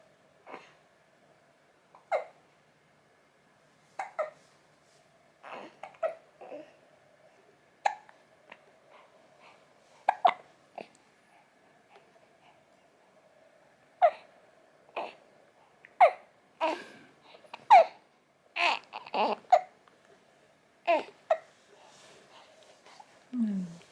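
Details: Baby aged 36 days hiccuping after milk: repeated short, abrupt hiccup sounds, about 35 a minute; infant hiccups.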